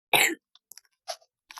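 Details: One short, sharp cough followed by faint clicks and a small breathy sound; a single dry cough.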